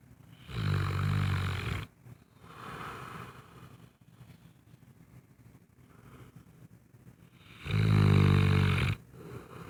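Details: Sleeping Saint Bernard dog: loud, deep, rattling snores on inhalation with quieter breaths between; snoring.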